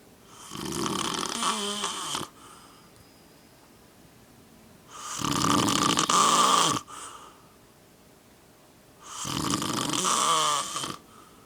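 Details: Adult man who snores all the time and falls asleep almost instantly: loud, rattling snores on the in-breath about four seconds apart, with quiet breathing between. Snoring.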